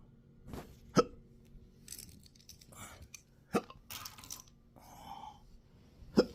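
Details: Intractable hiccups with belching, choking spasms and developing achalasia since December 2015, in 12-hour episodes now 7 days a week: three sharp, abrupt hiccup gulps at irregular gaps with quiet breathing and rustling between.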